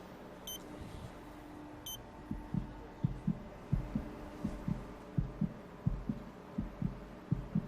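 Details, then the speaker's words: Fetal heartbeat of an unborn boy during a sonography in a drama scene, where spinal abnormality needing surgery after birth is later discussed: two short beeps, then quick whooshing thumps from a fetal heart monitor. "हुआ है एक लड़का है उसके दिल की धड़कन सुनना चाहोगी हाथ जरूर"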